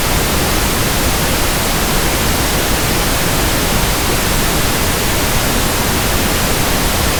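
Steady, soft hissing static with no change throughout; simulated pink noise used for matching tinnitus sound.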